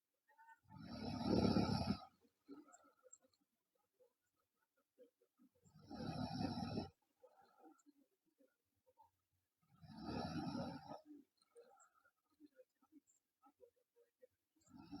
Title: Loud Snoring Girl